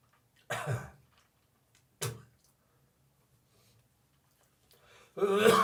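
Two short, dry cough bursts spaced apart, then a harsher throat-clearing, gagging sound; a dry, unproductive cough.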